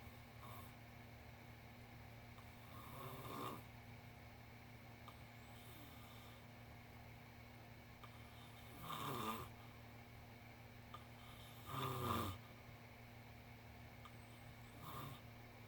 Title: This Must Be Oreo The Cat Snoring